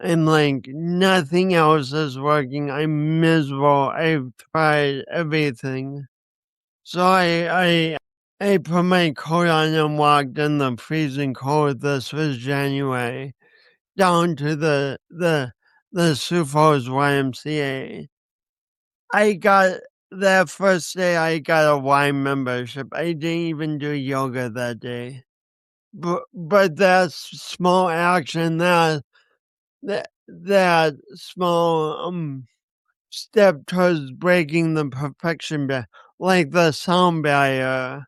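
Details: 50-year-old man with a lifelong speech impediment and coordination issues he links to a birth injury and describes as a disability; dysarthria.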